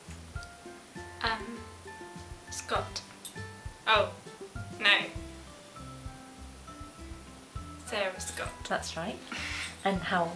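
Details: Young woman who had a stroke in 2009 at age 18 and acquired Broca's aphasia, interviewed, struggling to produce words such as her name and age; word retrieval impaired, intelligence intact; Broca's (expressive) aphasia.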